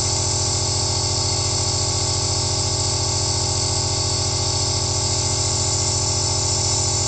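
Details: Steady mechanical hum of a nebulizer (aerosol machine) running, recorded from a first-person perspective as a relaxing sound: nebulizer running.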